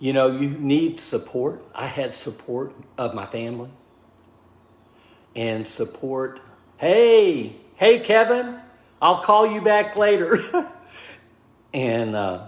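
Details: Aphasia in a man of about 63 after a stroke, diagnosed 26 months earlier; initially unable to talk or write, now relearning speech, mixes up words and slows down to avoid slurring.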